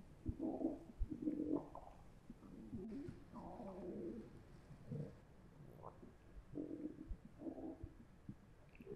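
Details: A Zoom H1n recorder held against a volunteer's stomach after three slices of pizza picks up gurgling, churning noises with low rumbles and bubbly bursts, as in digestion: bowel sounds (borborygmi).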